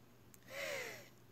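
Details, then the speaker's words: Adult mother with long-standing asthma during an asthma attack: a single strained, shallow yet deep breath with a thin, falling whistle-like wheeze; wheezy laboured breathing. "hi everyone it's me this is what it's like to have an asthma attack if you can hear my breathing it's really shallow and deep"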